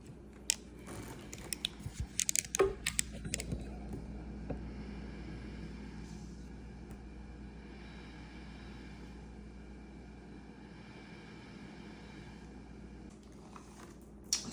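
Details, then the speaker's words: ResMed AirSense 10 CPAP machine running normally after its motor was replaced to fix a whine on inhalation: steady low blower hum, no whine, with a few handling clicks at the start and end. "so that was the fix you can clearly tell a difference between the before and after"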